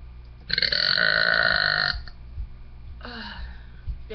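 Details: Single long, loud voluntary belch from an adult with rough, ringing voiced quality, made on request while reportedly sick with allergies.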